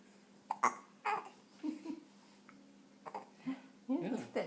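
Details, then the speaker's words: Baby boy with hiccups, thought by caregiver to come from a full tummy pressing the diaphragm: soft, brief, irregular catches with faint voices between; infant hiccups. "I think the full tummy presses against this diaphragm and then mhm causes that kind of a stimulates"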